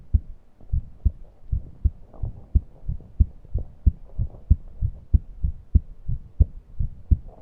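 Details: Heart sounds at roughly 90 beats per minute with faint intermittent high-pitched wheezes, recorded while breathless and unable to breathe deeply.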